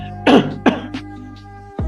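Two short throat-clearing bursts followed by a fainter third, over a steady background tone; ordinary throat clearing.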